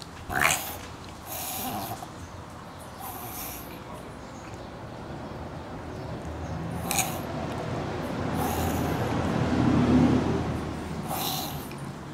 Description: sera having a bad reverse sneezing fit